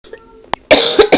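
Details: Child imitating a cough: soft voice sounds, then two or three loud, harsh cough bursts; imitated cough.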